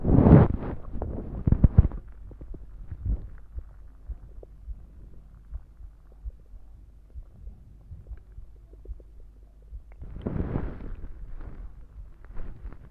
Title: Soda stomach growls (with some heartbeats) pt 1